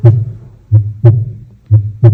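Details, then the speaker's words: Normal heart sounds at the pulmonary auscultation point during a cardiovascular examination: clear lub-dub near 60 a minute, with S2 louder than S1. "here also is too louder because closure of the same wall."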